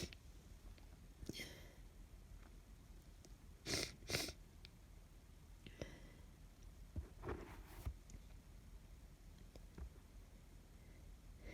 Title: Cold sneezes